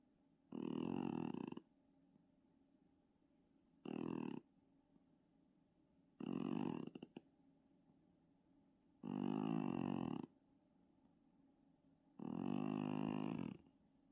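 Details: Sleeping pet cat snoring loudly like a tank: five regular buzzing, grunting snores about every three seconds, around 20 a minute, with quiet pauses; snoring.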